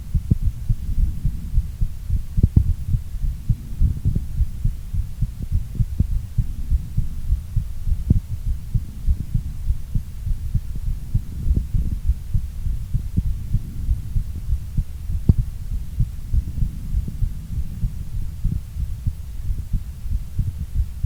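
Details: Heartbeat recorded during a workout, followed by short recovery: rapid, low-pitched beats around 100 per minute during exertion. A normal exercise-related rise in heart rate.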